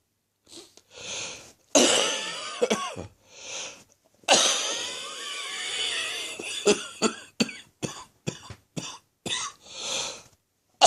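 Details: Late-morning bouts of harsh, rattly coughing with gasping breaths between, in a coughing fit from a chest infection that is slowly clearing.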